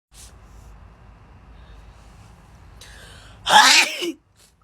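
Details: sneeze A faint breath in, then one sharp, explosive sneeze with a voiced tail, against quiet room noise; part of a girl's sneezing fit after a COVID test, possibly allergies.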